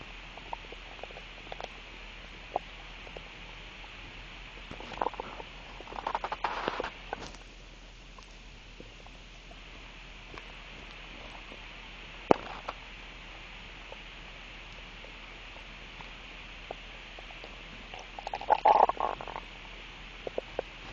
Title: Stomach noise